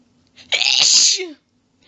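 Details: Single sharp, forceful sneeze with a brief inhaled lead-in, from a female during a long sneezing fit of rapid quadruple sneezes.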